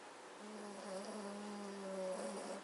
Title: Schnarch - Hrrrk . snoring Magyar Vizsla Family